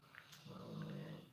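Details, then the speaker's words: Two sleeping dogs snoring loudly. "they all hear that snoring these dogs are snoring their butts off they're both asleep"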